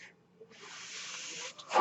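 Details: The podcaster's own mechanical ventilator, heard between speech: a steady breathy hiss of airflow lasts about a second, then cuts off as it delivers a breath.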